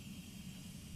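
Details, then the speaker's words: Suction machine running for oropharyngeal suctioning during tracheostomy care, vacuum set to a medium level: steady low motor hum with a faint hiss. "second turn on the suction equipment and set the vacuum to a medium level or at the level designated by the physician's order or agency"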